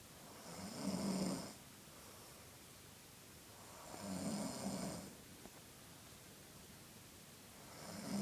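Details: Sleeping sixteen-year-old gives rhythmic low rattling snores with each breath in, about three in eight seconds, over quiet room noise.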